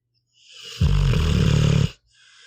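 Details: Sleeping pitbull dog snoring: a softer breath drawn in, then one loud, low, rattling snore lasting about a second.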